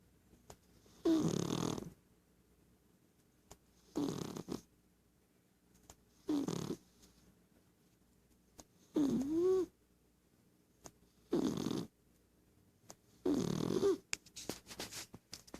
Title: Snoring just like My human!